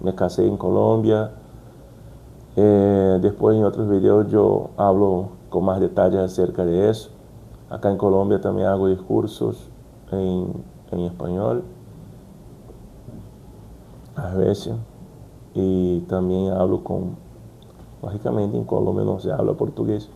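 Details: Brazilian adult man stuttering since childhood, speaking Spanish as a second language, working to overcome it; repetitions such as 'como como'; stuttering.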